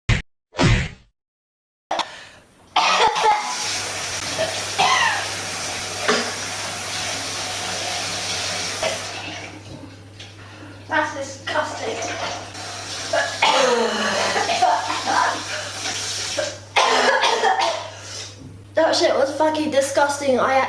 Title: Girl Cinnamon Challenge Throwing Up and Coughing Up